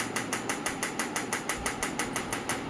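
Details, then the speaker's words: Biotronix PEMF loop therapy device on the shoulder, frequency raised to 8 after intensity five: rapid regular clicking pulses about six per second. "So you can see the difference in the intensity sound."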